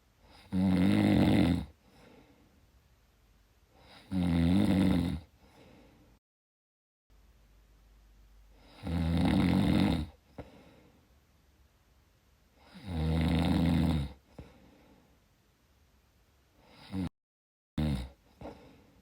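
Loud, low, rattling snores on inhalation, about four in 19 seconds, with brief snorts between; typical snoring during sleep.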